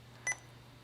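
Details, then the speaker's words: Single short electronic beep over quiet room hum as an IV infusion pump is manually programmed (new infusion, general, dose calculation) for a norepinephrine drip, 4 mg in 250 ml; infusion pump keypad beep "so all you have to do is hit new infusion choose general hit okay dose calculation"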